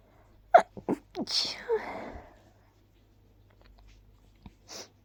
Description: I tried to stifle my sneezes with a little "choo" sound at their ends.. it mostly worked 🤭